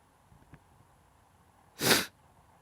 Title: This is sneezing the camera 📷